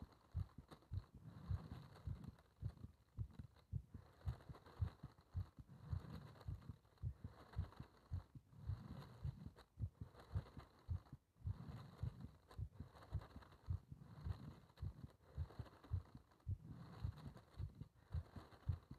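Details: Heart sounds during paper-bag rebreathing, part 1: regular low heart thumps at about 110 beats a minute, with slow breathing noise swelling in and out behind them.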